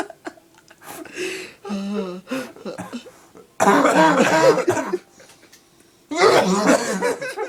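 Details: Coughing fit: repeated harsh cough bursts mixed with laughter.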